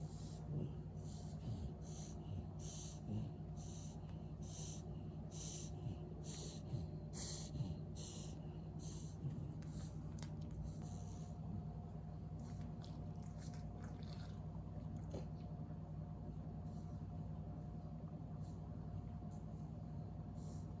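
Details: Spayed female mixed-breed dog, about 2 years old: a run of fast, repeated snorting inhalations, a reverse sneeze.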